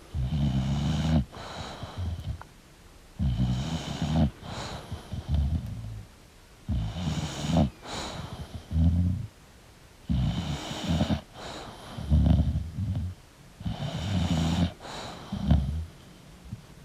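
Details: Loud, regular rattling snores on each breath, about 18 per minute, from a sleeping English Bulldog; relaxing snoring sound.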